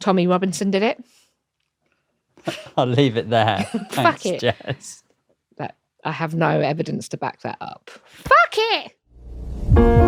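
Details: Adult woman with Tourette syndrome, diagnosed in her early to mid 20s and a wheelchair user, with frequent involuntary vocal tics. The finding is Tourette syndrome with vocal tics and coprolalia.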